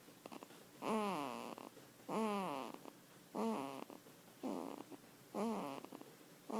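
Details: Loud, rattling, voiced snores on each in-breath from a 5-week-old, about five in six seconds with quiet pauses between; snoring.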